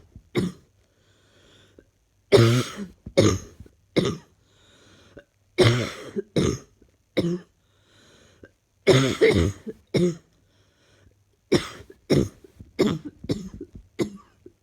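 Repeated bouts of harsh, loose coughing from an adult, about five clusters of two to four coughs each; a persistent cough.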